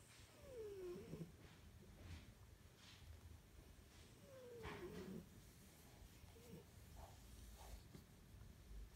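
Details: Siberian cat napping in a cat carrier gives soft rumbling breaths with a falling whistle about every four seconds; harmless snoring.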